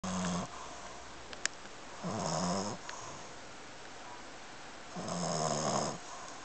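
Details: Pete, an 8-month-old Boston Terrier, snoring as usual: loud rattling snores on each breath in, about three in six seconds, with quiet pauses between.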